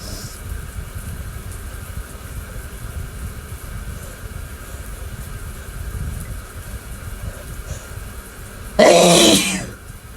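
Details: Male in the shower, sneezes blamed on his cats: steady running shower, then one loud, forceful burst of air near the end, a single strong sneeze.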